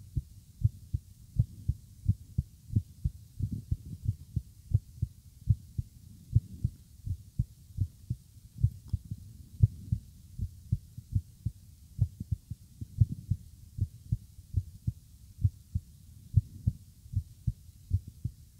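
Steady, regular low thumps at about 80 beats a minute with a faint hum beneath; an ordinary heartbeat.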